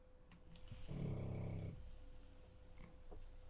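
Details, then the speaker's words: Sleeping dog, on drugs and likely with a blown knee and bad hips: one loud, low, fluttering snore on the in-breath against a quiet room hum. "Blinding of Josh and yep, some of you, I could tell it was good hearing and who doesn't, based on who can and cannot hear the snoring dog."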